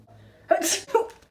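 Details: A single sharp sneeze with a brief intake of breath before it, in a quiet room.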